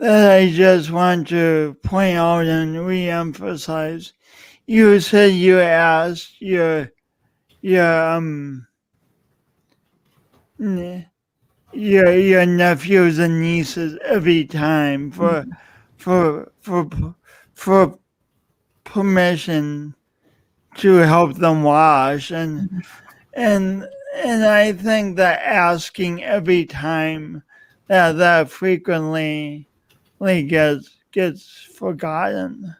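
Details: Man describing his own self-described speech impediment, type not named; word repetitions and prolongations; stuttering-like disfluency.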